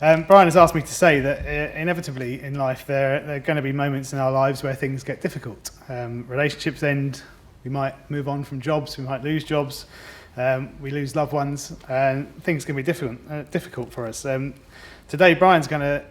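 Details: Adult male speaker; ordinary speech.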